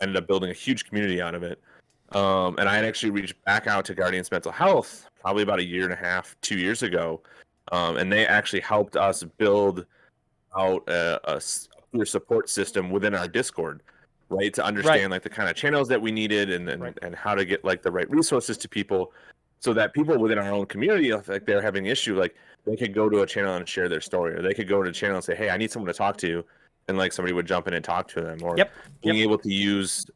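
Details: Adult male speaker; no speech disorder.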